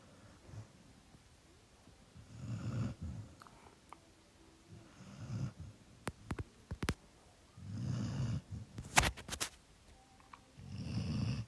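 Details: Winnie snoring very loudly while asleep.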